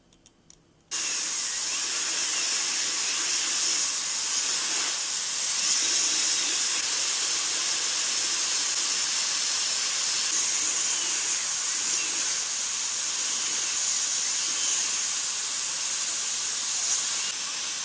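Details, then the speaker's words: Simulated procedure on a mannequin, composite resin filling for cavities between front teeth, final shaping and smoothing: steady loud high-pitched hiss after a quiet start; dental handpiece running. "Une pierre blanche est utilisée pour créer une surface plus lisse."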